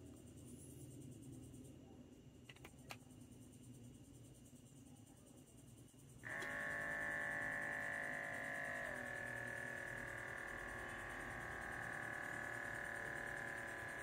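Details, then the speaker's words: Steady buzzing motor drone of an automatic Omron medical-grade blood pressure monitor cuff inflating in a quiet room, measured simultaneously with a Galaxy Fit 3 heart rate reading; normal cuff pump operation. "let's have a simultaneous monitoring I'll start measuring when and the air pump is done so going to have a much accurate result here"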